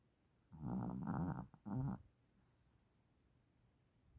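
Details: Loud, low, rumbling snore with two rough bursts close together from a sleeping mother dog.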